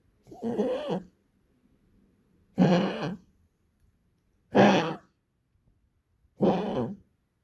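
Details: A pet's frequent, repetitive cough, recorded for its vet and described as much more frequent: four harsh, honking coughs, each under a second, about two seconds apart in a quiet room.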